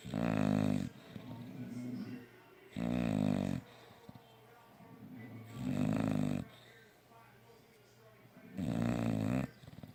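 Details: Sleeping dogs snoring in a small room: loud, regular, buzzing snores about every 2.7 seconds, roughly 22 a minute, with softer breath noise between.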